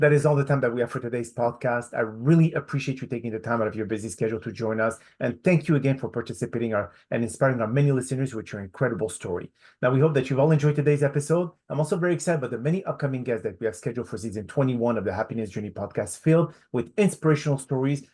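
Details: Adult male speaker; Normal fluent speech.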